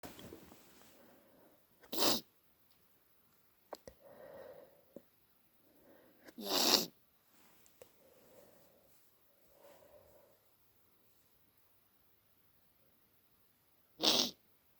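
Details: Three sharp, forceful sneezes with quiet breaths between, deliberately induced at 3am to relieve a badly blocked nose causing headache; induced sneezing.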